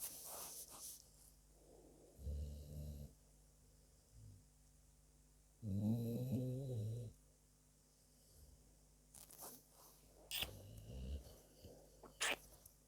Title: dog my furbaby is Snoring away just had to catch on video ❤️❤️❤️❤️